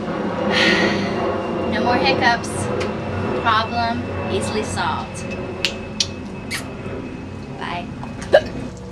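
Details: Brief sharp gulping catches recur irregularly, about 47 a minute, from a woman with hiccups, among voices and light background noise: hiccups.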